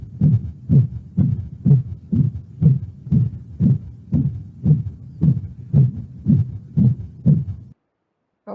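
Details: Systolic murmur in a dog, played in a veterinary clinical medicine lecture after a continuous patent ductus arteriosus murmur: regular heartbeat at about 120 a minute with a whooshing murmur filling each systole.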